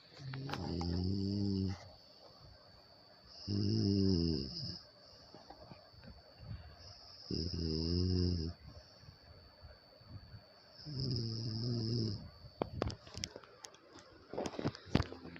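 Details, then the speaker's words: Loud, low, rattling snoring recurring about every four seconds (~16/min) from a sleeping adult man; so loud he has to be woken in the morning to stop. "ये कितनी तेज खर्राटे लेते सवेरे बहुत तेज खर्राटे लेने लगता हैं तो इनको उठाना पड़ता है की खर्राटे लेना बैंड करो"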